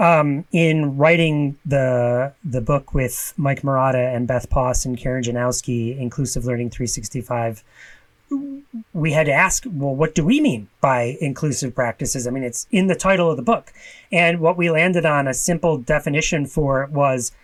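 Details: Adult speaker; ordinary speech.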